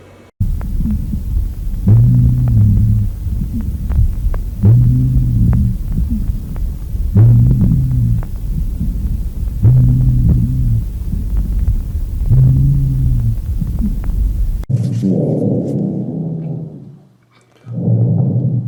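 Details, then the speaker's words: Low-pitched dry rhonchi played in a lung auscultation lecture: low, snoring, humming tones with each breath, about 23 a minute, heard on both inspiration and expiration. "добавочным дыхательным шумом относится хрипы ищем тренер хлеб высушивается как при вдохе и так при выдохе сейчас теперь три варианта будем слушать прослушивать низких клипов"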